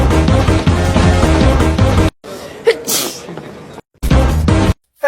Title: sneezing (which one are you?)